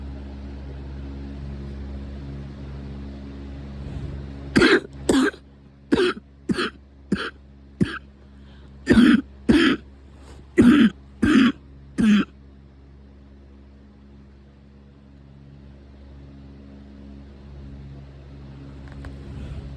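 About eleven sharp coughs in quick succession over seven seconds, over steady low background hum; a coughing fit.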